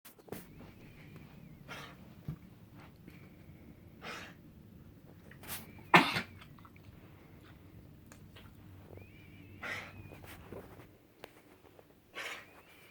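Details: A dog (IM MSU case, 10-31-19) with a possible coughing or gagging episode: several short, forceful expulsive bursts over quiet room noise.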